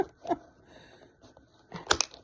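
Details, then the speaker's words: Used insulin pen needle clipped off into a needle-disposal container after a Lantus (long-acting) abdominal injection, the fourth injection of the day: a few sharp clicks and a crunching snap. "And it snapped it, and it went into the little goody box. So, I think this holds like a like 60 needles."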